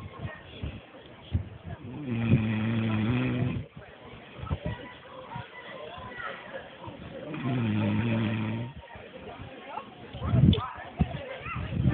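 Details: Loud, low rattling snores on two in-breaths, with quieter breathing between, recorded outdoors at a picnic; snoring.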